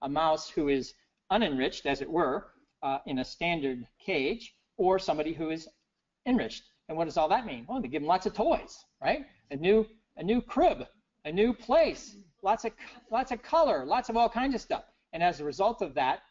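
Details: Adult man with persisting aphasia after a stroke in 2011 that initially left him unable to read, write or speak well; he notes ongoing word errors; aphasia.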